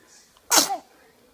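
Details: A single sharp, explosive sneeze in a quiet room: sneezing.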